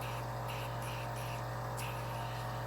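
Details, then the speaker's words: Salternative microdermabrasion on a model's face, first of three steps: steady low motor hum with soft hissing bursts as the salt-crystal suction wand glides over skin; slight suction is kept low for higher Fitzpatrick skin types. "it's a very fine it's a slight suction that you can control for people with a higher fitzpatrick because suction with microdermabrasion and higher fitzpatricks could cause inflammation and therefore hyperpigmentation"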